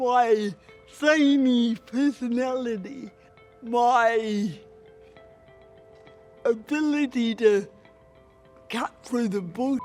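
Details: Adult woman with cerebral palsy, a former Paralympic boccia player, who considers her voice a real barrier; dysarthria (cerebral palsy).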